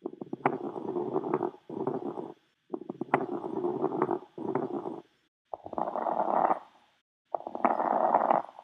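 About three breath cycles with many brief popping clicks scattered through the breath sounds, mostly on breathing in: crackles (rales).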